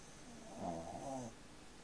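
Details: Sleeping Shih Tzu dog: a soft, rumbling snore on one breath, with fluttering noise from the nose and throat; snoring.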